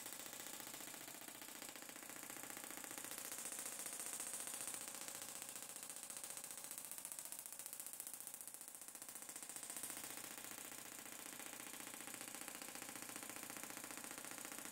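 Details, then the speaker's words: Rapid, steady mechanical clicking of a Gymna Shockmaster 300 shockwave device firing at 15 Hz, 2 bar, 20 mm head with ultrasound gel, 2000 shocks along the whole plantar fascia for medial arch pain. "we'll keep going here until we hit the 2000 shocks and that's treatment of the planter fascia"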